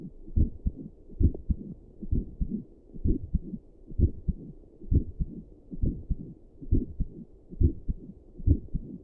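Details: Own resting heartbeat recorded with Doppler plus stethoscope while sitting at a desk for five minutes, visible neck pulse: soft whooshing low beats, roughly 65–70 a minute. Resting adult heartbeat.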